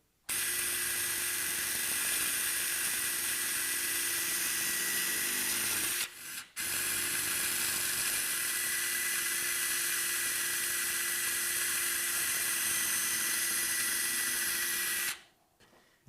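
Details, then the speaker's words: Powered surgical drill whirring steadily in two runs with a brief pause: 3.5 pilot drill used distally through a hook plate guide, held by K-wires, during medial malleolus fracture fixation with a hook plate. "once we're secured in place we'll use our 35 pilot drill distally"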